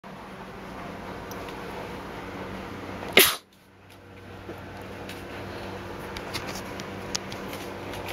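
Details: One sharp, explosive burst of air against steady room noise: a single sneeze, with nose blow.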